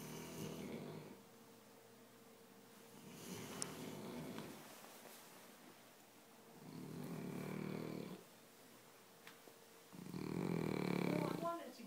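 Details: Two people snoring: three rough, rattling snores about 3 to 4 seconds apart, roughly 16 breaths a minute, in a quiet room.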